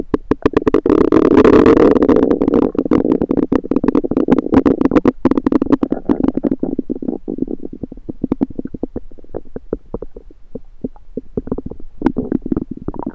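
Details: Bowel sounds recorded over own abdomen with a USB stethoscope: rapid, irregular gurgling and clicking, loud at first then fading to scattered pops; active bowel sounds, ordinary stomach rumbling.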